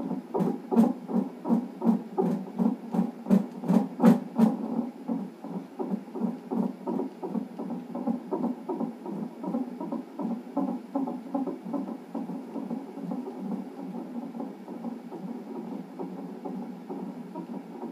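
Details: Non-stress test with reactive results in a pregnancy with polyhydramnios, monitor-only audio: rapid, regular whooshing fetal heart pulses at about 160 a minute on the fetal monitor; fetal heartbeat.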